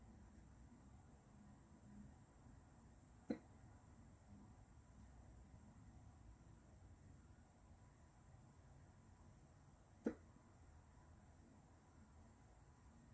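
Two brief, sharp hiccups about seven seconds apart in a quiet room; hiccups.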